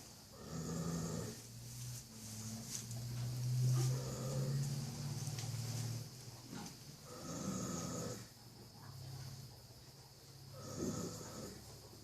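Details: Baby (young) horse snoring: repeated low, throaty rumbles with each breath, roughly 18 breaths a minute.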